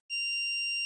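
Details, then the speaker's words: Steady high-pitched warning tone from a training iPAD AED after it analyzes the heart rhythm and advises a shock, before the prompt to stand clear, during a real-time simulated CPR demonstration. "do not touch the patient analyzing heart rhythm shock advised"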